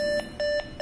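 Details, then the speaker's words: Portable ICU ventilator (Optima) functional test, with the flow sensor on the test plug and the alarm LED and sound being checked before the test. Rapid, regular high-pitched beeps about five per second: ventilator alarm beep. "if alarm led and sound is working so alarm led is glowing and the sound is also can be heard so you have to confirm it"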